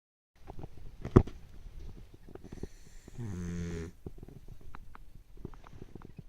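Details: Snoring during sleep: soft rumbling breathing noises with one longer buzzing, vibrating breath.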